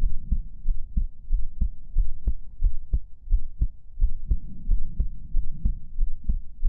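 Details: Simulated ASMR heartbeat: a steady low thumping at about 90 beats a minute, with paired lub-dub sounds over a soft low hum.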